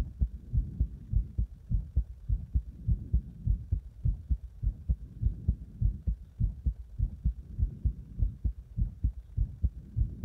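Strong, regular heart thumps at about 100 a minute, loud and forceful, recorded close to the chest.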